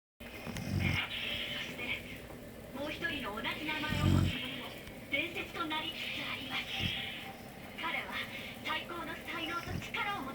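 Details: Pet beagle asleep, brief low rumbling snores roughly every three seconds, partly masked by background television talk and music: snoring.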